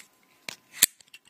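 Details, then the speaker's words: Two sharp plastic clicks as the back of a Medtronic MiniMed Quick-serter, holding a Quick-set infusion set, is pulled out until it locks into the cocked position during insulin pump setup. "So you're going to open this up, and you're going to take out this device, which all it is it has a little spot for holding the actual quick set. And then you pull out the back"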